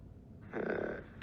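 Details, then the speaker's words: Sleeping dog barking in her sleep: a single soft, muffled huff against quiet room noise, a sleep vocalization. "can you hear her snoring he's barking in her sleep"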